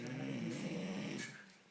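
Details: Snoring after a night of heavy drinking: a single drawn-out, low, rumbling breath sound that fades away; a snore.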